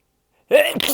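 A single quick sneeze: a brief indrawn breath followed by an explosive burst.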